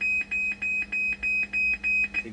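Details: Hemodialysis machine alarm for low transmembrane pressure (TMP low) during troubleshooting, possibly a motor fault: steady, rapid repeating high-pitched electronic beeps, about three per second.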